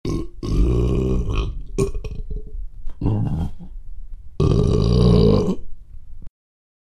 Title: Super Burp